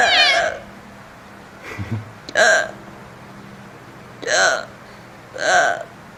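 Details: Hiccups used to make a 4-month-22-day-old infant laugh: short, abrupt voiced hiccup sounds repeating several times, mixed with brief baby vocal sounds.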